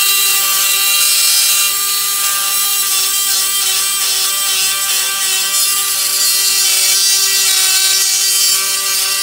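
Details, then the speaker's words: Powered saw cutting through the heel bone (calcaneus) in an osteotomy during stage II posterior tibial tendon dysfunction reconstruction: a steady high-pitched whine with fast buzzing, grinding texture. "Now we've cut the heel bone, you can see that, and so now what we'll do, we will shift the heel bone over like that, you can see, to move it over to the inside"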